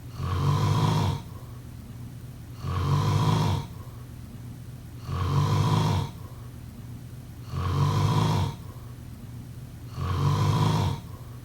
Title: Snoring sounds..